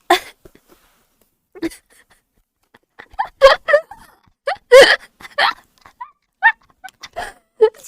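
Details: Hiccup attack during a vtuber stream: sudden short voiced bursts recurring at irregular intervals among other vocal sounds; hiccups.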